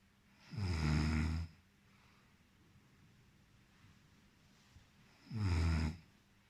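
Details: Two loud, deep, vibrating snores on the in-breath at about 13 breaths a minute, with quiet pauses between; snoring in a man.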